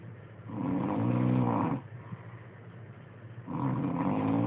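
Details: A man snoring every night in his sleep: two deep, rattling snores with a quiet breath between them, at a slow sleeping rate.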